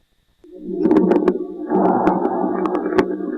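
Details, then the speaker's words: Coarse crackles (subcrepitant rales): scattered coarse bubbling clicks over a rough, humming breath sound in both phases, mainly expiration, changing with cough and expectoration. "los estertores sucre habitantes se presentan con más frecuencia en las siguientes situaciones clínicas"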